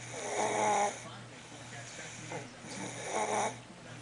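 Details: Two loud rattling snores on inhalation with quieter breathing between, over steady room hum: someone sleeping and snoring.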